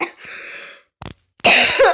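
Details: Child coughing while sick: breathy intake, faint double hack, then one loud harsh cough with a voiced tail.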